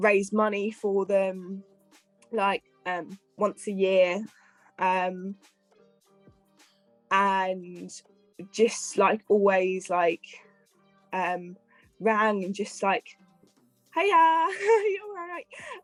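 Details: Adult female care and support worker with a stammer, previously treated at the Michael Palin Centre: stammering.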